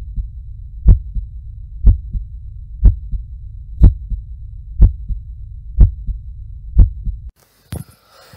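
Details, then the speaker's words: Heart auscultated with a stethoscope: regular lub-dub about 60 beats a minute; normal first (S1) and second (S2) heart sounds. "all right so hopefully what you've heard is two sounds these two sounds at least what it sounded like to us is love dub so these are the two typical heart sounds that we would hear when we auscultate or listen to the heart"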